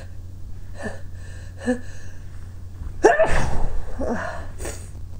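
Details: Person trying to stifle and hold back sneezes but failing: two small muffled bursts, then a stronger gasping inhale and a partly held-back sneeze over low room hum; suppressed sneezing.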